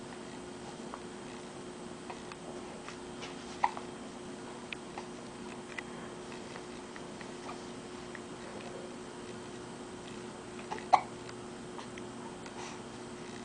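Two brief, sharp, quiet catches about seven seconds apart over faint room hum, consistent with hiccups.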